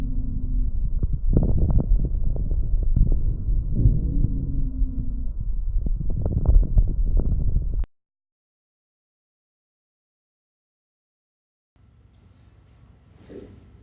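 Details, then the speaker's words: Teaching recording of abnormal breath sounds, stethoscope: low-pitched, bubbling pops over breath sounds; coarse crackles, cited for COPD, resolving pneumonia, lung abscess, tuberculosis. "Anxious crepitation in COPD, resolving pneumonia, lung abscess, tuberculosis."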